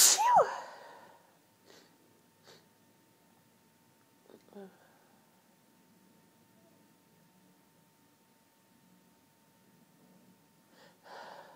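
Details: One sharp, high-pitched sneeze, then quiet breaths and sniffs in a still room, part of a girl's hay fever sneezing fit; sneezing.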